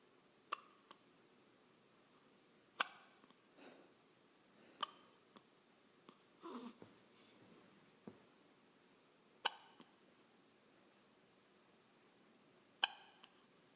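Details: Hiccups: about five faint, abrupt clicking catches at irregular gaps in a quiet room.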